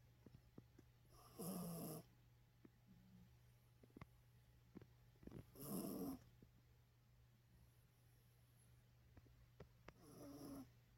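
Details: Sleeping dog snoring in a quiet room: three loud snores about four seconds apart, roughly 14 breaths a minute.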